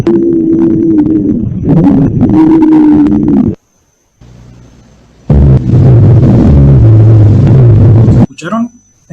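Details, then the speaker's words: Wheezing: continuous whistling, musical tones on the breath sounds from narrowed airways, played in a pulmonary auscultation tutorial for comparison with rhonchi. "recién era la sibi lancia"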